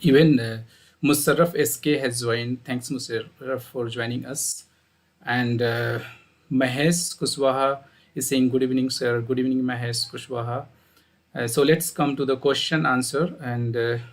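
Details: Adult male speaker; normal speech.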